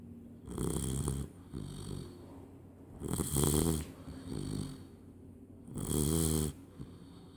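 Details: 12-week-old Labrador puppy asleep for the evening: three loud, rough, rattling snores about one every three seconds, quieter breathing between; human-like snoring.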